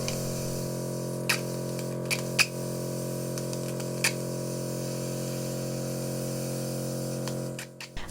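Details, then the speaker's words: Ear microsuction of soft, tightly impacted earwax blocking a very narrow, curved ear canal near the eardrum, with oil applied: continuous steady suction hiss with brief sharp clicks and slurps. "From here, everything has to be incredibly controlled. No sudden movements. I'm simply going to let the suction do the work."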